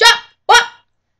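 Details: Vocal tic in a girl with Tourette syndrome, an involuntary vocal noise occurring mid-sentence.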